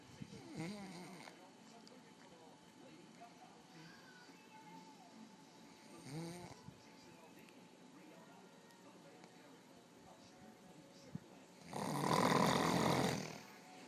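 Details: Occasional snorer recorded by partner during sleep: intermittent rattling snores in a quiet room, with one loud harsh snore near the end; ordinary sleep snoring.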